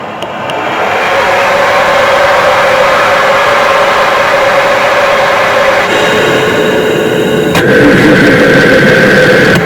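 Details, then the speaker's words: Person with DMD and a weak cough doing one mechanical insufflation-exsufflation (cough assist) cycle, part of three cycles each morning to clear overnight mucus: a steady motor roar that switches sharply from pushing air in to pulling it out. "So that's one cycle. And every morning I do that three times just to get rid of any excess mucus from the night."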